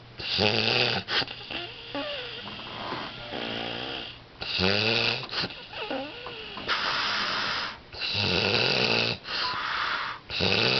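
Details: Sleeping subject making faces while asleep: loud, rattling snores with whistling, wavering tones on each breath; heavy snoring from upper-airway vibration.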